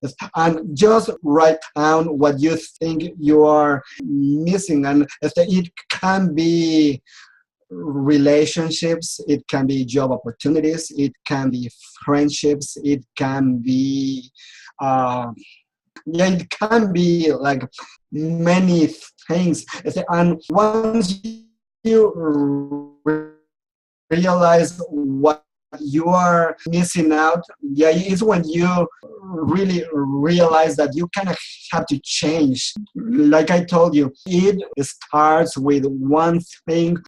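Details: Adult man who has stuttered since age 4 and still clearly stutters; speech therapy and support groups helped him; stuttering.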